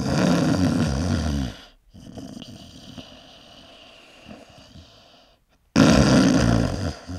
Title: Man's Heavy Snoring Sound Effect | Soundboard Link 🔽🔽